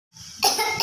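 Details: Cough in a person taking steam for a cough with sputum, in a COVID context: a soft breathy start, then one forceful, hissing cough burst.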